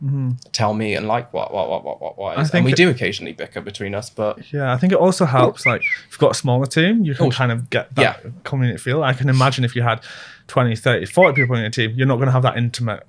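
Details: Adult male speaker; plain speech.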